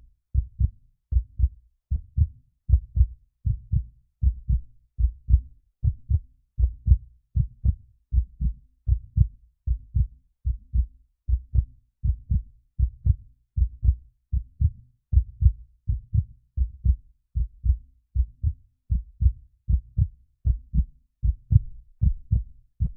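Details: Normal heartbeat: steady, low paired heart thumps at about 77 beats a minute.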